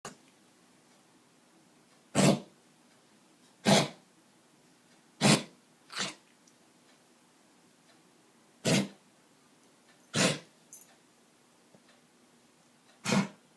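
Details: Dog coughing in a quiet room: about seven short, sharp cough bursts spaced a second or more apart; owner wonders if it is kennel cough.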